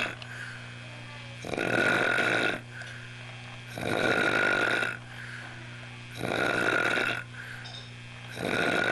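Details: Pig-like snoring: loud, harsh, rattling inward breaths about every 2.3 seconds, roughly 26 a minute, over a steady background hum; recorded 1 January 1989.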